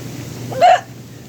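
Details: A wife has hiccups while relaxing in a hot tub on a cold spring evening, blamed on a spicy chili chicken dinner. A single sharp, voiced hiccup rises briefly above steady bubbling water noise.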